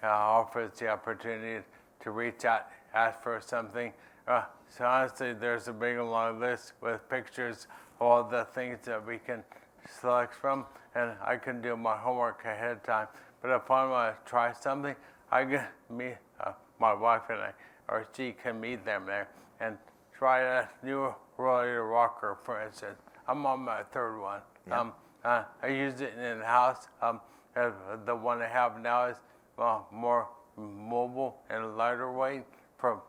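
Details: Adult man living with ALS who says his speech isn't great. Dysarthria (ALS).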